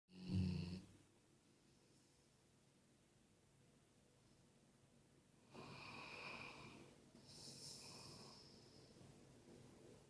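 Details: Sleeping Golden Retriever dog in Croatia: a low snort followed by soft, breathy snoring breaths in a quiet room; snoring.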